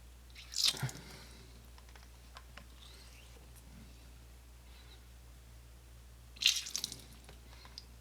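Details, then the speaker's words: Adult self-irrigating own ear at home with a simple ear syringe after Debrox to remove sticky earwax: two brief bursts of squirting, gurgling, swooshing water filling the ear canal, quiet room noise between; ear irrigation. "The water fills the ear canal and then whoosh, makes a swooshing noise."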